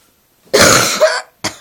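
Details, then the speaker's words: A sick girl with a cough and a hoarse, lost voice gives a harsh, drawn-out cough with a brief second burst, then a short final cough. "Я не дрыхну, потому что я кашляю сейчас."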